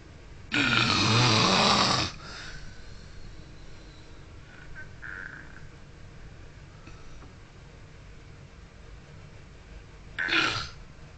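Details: Man snoring in sleep: a loud, rough snore lasting over a second, quiet room noise, then a second shorter snore.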